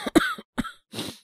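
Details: Acted cough by a male voice performer (all acting) portraying a young man with a cold: two or three short wet-edged coughs; coughing a lot since yesterday, throat not quite sore, no fever.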